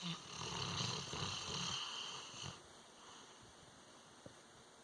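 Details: A sleeping pet gives one long, rough, rumbling snore on the in-breath, likened to an old man snoring, then a quiet pause in a small room: snoring.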